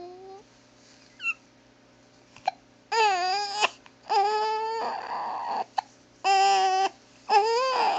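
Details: A baby girl with hiccups crying in short wailing bursts, with brief sharp hiccup clicks between cries, until the hiccups stop; hiccups with crying.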